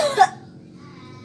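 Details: Effective cough exercise after nebulizer, simulated by a nursing student with a woman patient: after deep breath and 1-3 second hold, one forceful, harsh cough burst to bring up sputum, then quiet.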